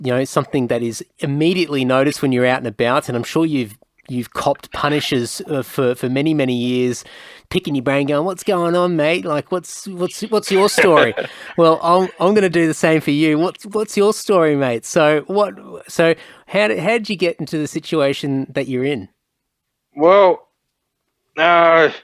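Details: Adult male speaker; typical speech.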